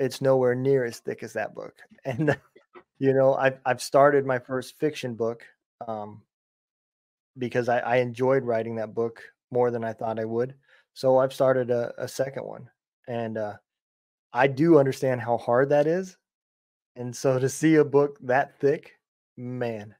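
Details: Adult male speaker; ordinary speech.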